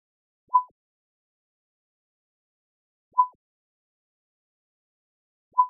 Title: ekg monitor simulation